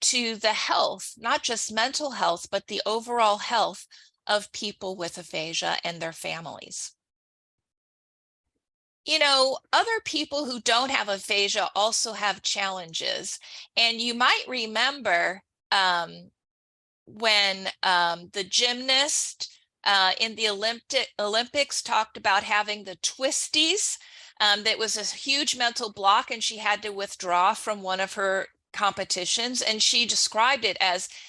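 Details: Adult woman; typical speech.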